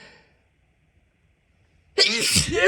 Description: Just my side of a fun evening with someone having a drink and sneezing for each other. Mostly stifles here.